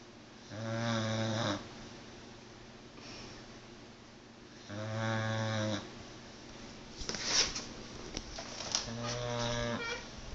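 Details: Loud buzzing snores on each breath in, about 14 a minute, with quiet breaths out between; ordinary snoring in a sleeping pit bull dog.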